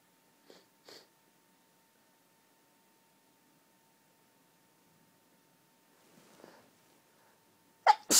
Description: really girly sneeze fit caused by hayfever, sneezing into tissues near the end of the fit